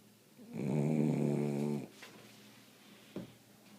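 One loud, buzzing snore from a sleeping puppy, then quiet breathing and a small snuffle; ordinary snoring.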